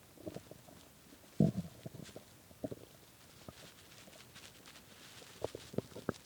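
Quiet low gurgles with a louder rumbling burst and several short bubbling pops, typical hunger stomach growling (borborygmi).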